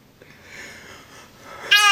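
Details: Early morning after breakfast, a faint breathy build-up, then one sudden high, squeaky burst: a single small sneeze.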